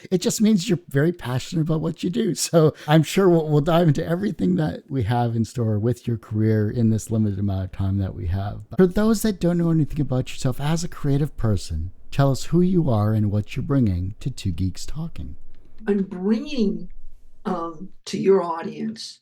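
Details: Adult male speakers in conversation; normal speech.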